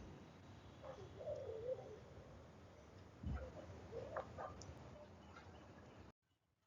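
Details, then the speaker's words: Child's chest with musical whistling wheezes and coarse low rhonchi from narrowing and obstruction of the bronchi and bronchioles, mainly on expiration; wheeze and rhonchi. "these sound produced because of obstruction at the level of broni and bronchioles so whenever patient is having narrowing of this lower airway this sound can be produced"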